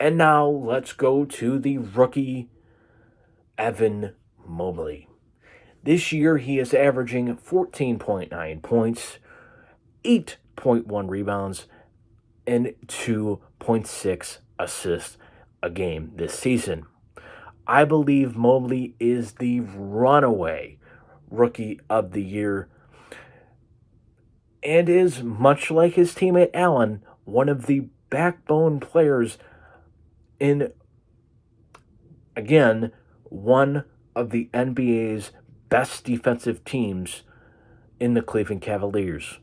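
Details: Stuttering-type disfluency (prolongations, blocks) in a man, which he attributes to his cerebral palsy.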